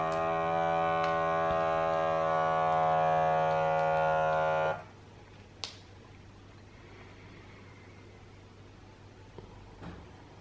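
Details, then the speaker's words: Steady motor hum of a Qardio Arm automatic upper-arm blood pressure cuff inflating, then stopping abruptly, followed by near quiet as it deflates; the reading was 129/88 with a pulse of 75, which the app flagged as prehypertensive. "Dauert jetzt einen Moment und jetzt hört man, die Blutdruckmanschette pumpt sich auf und wir sehen hier auch, auf welchen Druck die aufgepumpt wird, gerade"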